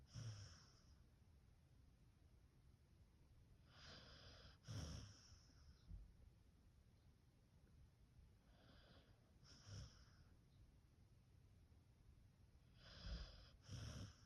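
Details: Beagle snoring lightly while napping: soft, quiet snorting breaths at irregular intervals, roughly four bursts over fourteen seconds.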